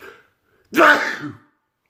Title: World Loudest Sneezes